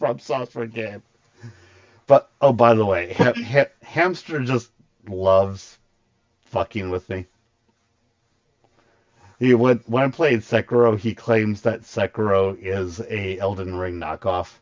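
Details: Stuttering in an adult male streamer with a very large stutter, partly controlled after extensive voice therapy, still present.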